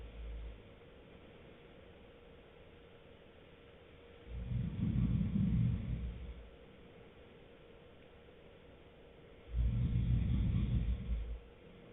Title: boyfriend snoring deeply